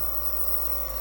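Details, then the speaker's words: Steady low motor hum with a faint mechanical buzz from a home nebulizer compressor switched on with mask and tubing attached, running to nebulize hydrogen peroxide solution, which is seen steaming. "connect that and then you're going to want to turn it on just one switch and you'll see that it's going to start steaming"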